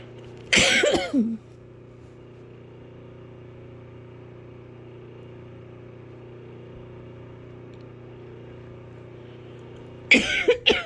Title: hard coughing.